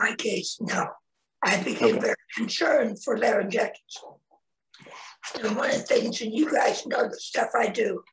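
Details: Real adult man, a head and neck cancer survivor, 25 years after a total laryngectomy in 1996 at age 41, with a primary tracheoesophageal puncture and secondary prosthesis placement; tracheoesophageal speech after total laryngectomy.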